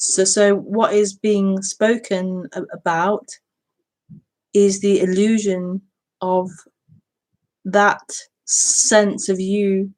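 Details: Woman who says she stutters, speaking during a live broadcast; stuttering.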